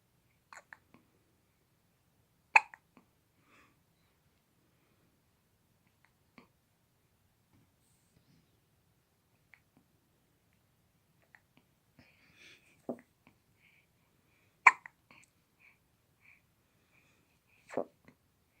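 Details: A baby's hiccups: several brief, sharp catching sounds spaced a few seconds apart in a quiet room; hiccups.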